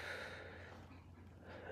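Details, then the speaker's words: Bubble CPAP setup with a water-filled bubble canister on the expiratory side and a RAM cannula circuit: flow set to about 10 liters, just enough to hear it bubbling pretty good. "want to set this thing about 10 liters just enough so you can hear it bubbling pretty good"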